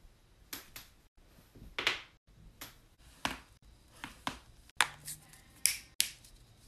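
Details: A quiet room with about a dozen sharp, dry pops and clicks in under seven seconds: continuous joint cracking.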